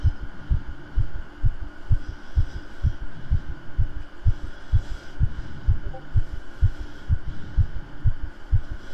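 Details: Streamer's own heartbeat picked up by a close microphone during an ASMR stream, with jumping jacks mentioned earlier: regular, fast, hard thudding beats about 128 a minute, said to pump twice normally then twice very hard, over a steady hum.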